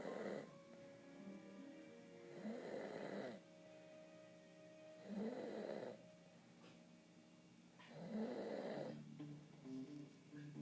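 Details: Person snoring loudly after falling asleep while watching TV at night: loud, rasping snores about every three seconds, roughly 21 a minute, with TV music in the background.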